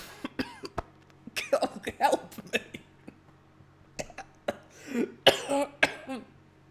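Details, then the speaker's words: Adult feeling unwell, recorded unintentionally: a run of short, sharp coughs mixed with harsher throat-clearing bursts against a faint steady hum; intermittent coughing fit with throat clearing. "I did manage to record myself whilst coughing when I thought I had muted the mic after the first attempt or at least when I started coughing turns out I hadn't so let's have a listen to that shall we"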